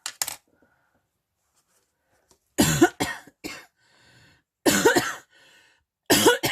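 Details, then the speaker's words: An adult woman with a cough she has had since 31 December gives about eight clusters of harsh coughs with brief quiet gaps while doing her makeup in a quiet room; cough. "Bon, c'est rien de bien méchant, mais quand on tousse comme ça, c'est pas tellement agréable pour vous qui écoutez la vidéo de l'autre côté, quoi."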